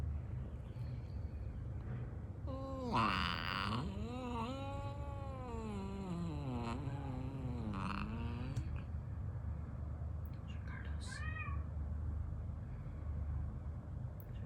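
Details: Cat groaning after teeth extractions at the vet while coming off anesthesia; drawn-out, wavering low yowls over a steady background hum, described as a very weird noise.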